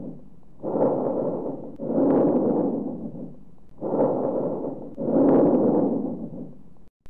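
Two full breath cycles of soft, rushing airflow at about 19 breaths a minute. The breathing-in and breathing-out phases are of similar length and loudness, with no clear gap between them. These are bronchovesicular breath sounds, a normal finding over the central chest and upper back.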